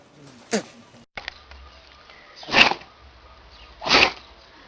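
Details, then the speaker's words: Several short, sharp, explosive sneezes from a small pet in a compilation of sneezing animals: sneezing. "Oh, Did he sneeze on you? Oh, buddy."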